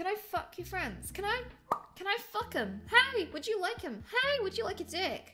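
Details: Vocal tics with coprolalia in a woman with Tourette syndrome, heard after a tic-suppression experiment while she still feels wired and tense.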